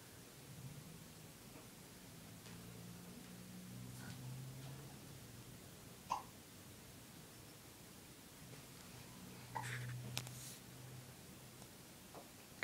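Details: A girl with hiccups, told to drink, makes a few brief, sharp hiccups spaced several seconds apart in a quiet room with a low hum.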